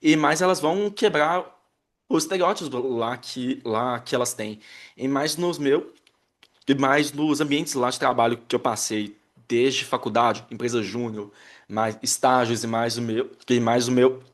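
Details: Adult man who identifies himself as a person who stutters, speaking with audible word and phrase repetitions; stuttering.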